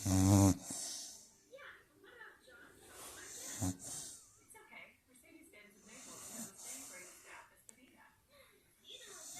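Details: Snoring during a morning nap, recorded 12/24/22 with the room at 65° and 43° outside: a loud, rough snore, then quieter snorting breaths and soft noises.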